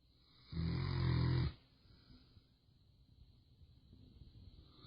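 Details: One loud, low, rattling snore lasting about a second, followed by quiet breathing; snoring.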